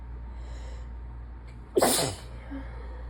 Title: 7/16 - sinus infection sick-y sneezes pt 2